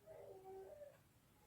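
A faint, distant wail from a baby, a brief drawn-out cry from a small child.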